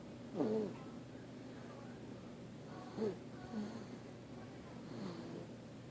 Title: Moaning and Snoring In His Sleep